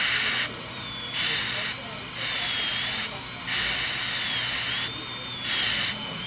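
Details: High-speed dental handpiece preparing porcelain veneers on teeth #7 and #8 with lingual chamfer margins. High-pitched whine in repeated bursts with short pauses while cutting between the front teeth to open the embrasure, with suction hiss throughout.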